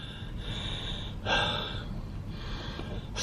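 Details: Adult with sarcoidosis, chronic pulmonary aspergillosis and a very low CD4 count, who coughed up blood the night before: loud, effortful breaths in and out, still heavy minutes after walking upstairs; ongoing breathlessness after exertion.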